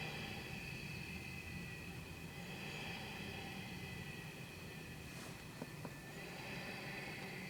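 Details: CPAP machine from 2007 switched on, ramping from low pressure up to the prescribed pressure; steady blowing hum with faint whine; normal operating sound of an older model.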